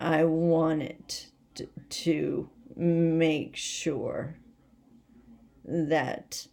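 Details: Adult woman with essential tremor, badly out of control and rapidly progressive, affecting mainly her head and voice, with word-finding difficulty and leg and hand weakness; awaiting movement disorder specialist visits; voice tremor (essential tremor).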